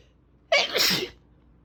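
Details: A single loud, forceful hissing sneeze lasting about half a second, then quiet, with fan noise in the background: sneeze.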